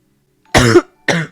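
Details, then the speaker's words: Two short, loud, dry coughs from an adult man who says he is not sick and reports a negative COVID test a couple of weeks earlier. "cough but say hey i'm not sick no i'm not sick don't worry just coughing but i'm not sick"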